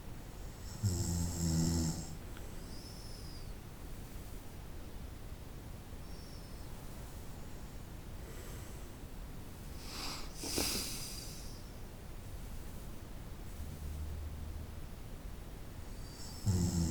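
Spaced, low rattling snores over a steady hiss of room noise, with a softer breath between: snoring during sleep.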